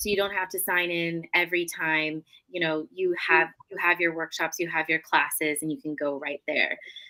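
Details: Adult woman speaking; no disorder.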